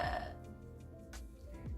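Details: Woman demonstrating a new small vocal tic that began with facial motor tics, which she attributes to possible long Covid; it later progressed to loud, high-pitched tic sounds; vocal tic.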